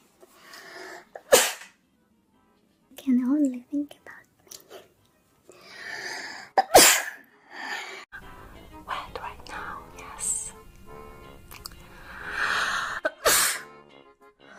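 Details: Sneezing in a young woman, hashtags mention allergies and sinuses: three sharp, explosive sneezes separated by soft talk and breathing, with faint background music.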